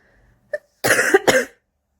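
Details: A brief faint sound, then two harsh, rough cough bursts from an adult woman in the morning between cigarettes, a smoker's cough.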